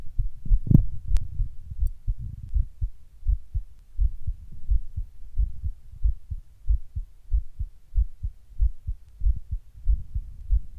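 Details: Adult sitting at rest records their heart suddenly beating weird and hard, intermittently getting fast: forceful low thumps around 94 per minute, somewhat uneven spacing, brief run of quicker beats; palpitations.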